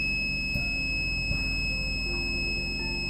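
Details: Continuous high-pitched electronic alarm beep over a low machine hum from a Proactive oxygen concentrator during a demonstration of its basic usage and indicator display.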